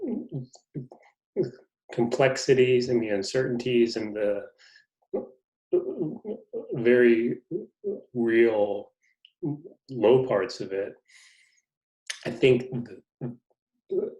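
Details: Adult man who stutters, in a conversation about his life as a person who stutters. Finding: stuttering.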